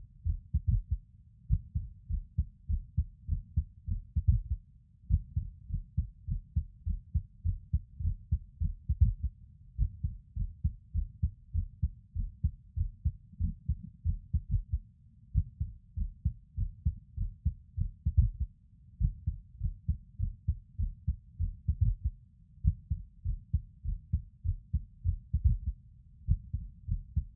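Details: A male's own heartbeat recorded while lying on his bed: low, fairly quick thumps repeatedly broken by brief pauses where a beat is missing, an irregular skipping rhythm.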